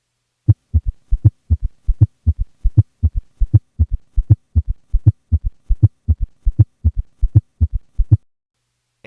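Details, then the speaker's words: Combined S3 and S4 gallop in one patient, recorded during expiration without S2 split, rate stated 80 beats per minute: regular low heart sounds with two extra soft diastolic sounds each cycle. "first here is a patient with both an S3 and an S4 at a heart rate of 60 beats per minute with a recording made during expiration and thus without an S2 split"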